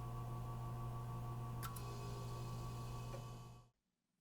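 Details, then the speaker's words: Steady low pump hum with a faint click, then an abrupt stop: a Blanketrol III hyper/hypothermia unit circulating water in manual control mode after the water temperature is set (range 4–42 °C). "When you reach your desired temperature, hit the manual control button and the water will begin circulating."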